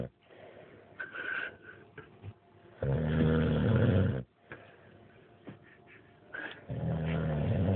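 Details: Sleeping dog snoring: two loud, low, rumbling snores with quieter breathing between them.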